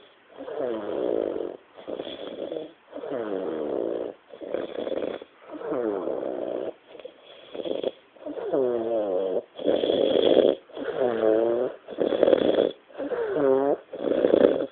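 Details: Friend sleeping after a Christmas night out; loud, rattling, buzzy snores in quick back-to-back bursts with short gaps, louder toward the end, on both inhalation and exhalation.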